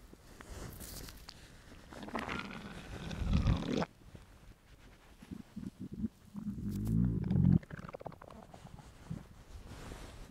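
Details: An adult male's empty, hungry stomach: loud, drawn-out low growls and gurgles, ordinary hunger bowel sounds (borborygmi).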